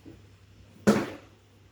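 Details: A single abrupt loud cough in a quiet room at 1 a.m., from someone unable to sleep because of coughing.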